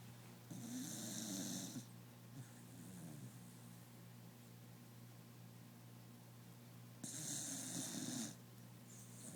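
Two loud rattling snores about five seconds apart, with quieter breathing between and a steady low hum in the room. Snoring in a sleeping dog.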